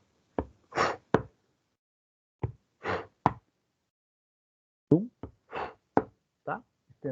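A voice imitates heart sounds twice: a short thump, a hissing whoosh, then a sharp thump, mimicking the murmur of atrioventricular valve stenosis. More vocal sounds follow.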